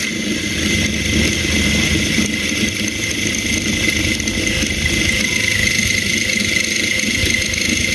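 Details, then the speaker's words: A surgical handpiece drills dense zygomatic bone for a zygomatic implant in a maxilla/skull training model, without irrigation; the handpiece has heated up. Steady high-pitched whine and grinding. "Yeah. The handpiece has got heated up. This is a very dense kind of situation."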